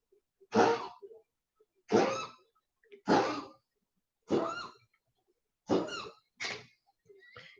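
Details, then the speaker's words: Dog with congestive heart failure gives a run of about seven harsh, honking coughs in the background, a cardiac cough. "you can hear bolo coughing in the background that's part of his uh his issue with uh his issue with being a congestive heart failure"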